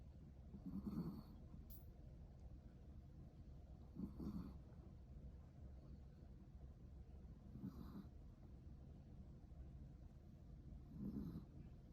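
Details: Soft, regular snoring on each breath, about 18 breaths a minute, typical of relaxed sleep; snoring.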